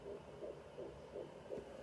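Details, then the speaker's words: Fetal heartbeat heard at home with a Sonoline B handheld fetal Doppler: rapid, regular whooshing pulses at about 165 beats a minute. The probe is not quite centred, so the signal is faint while being searched for. "there's baby's heartbeat I can't get right on it to make it louder"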